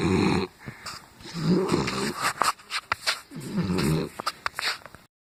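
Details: Sleeping Pit Bull snoring: loud rumbling snores, three breaths in five seconds, with snorting and clicking between them.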